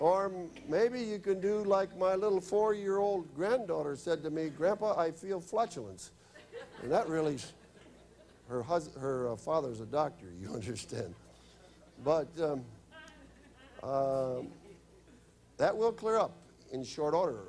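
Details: Adult male speaker; typical speech.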